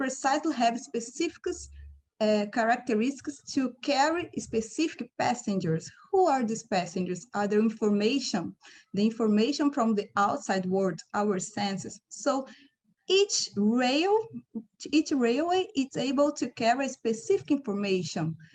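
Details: Adult speaker; normal speech.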